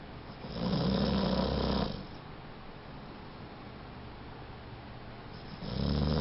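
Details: Pitbull snoring while sleeping; loud rattling snore on two breaths with quiet breathing between; snoring.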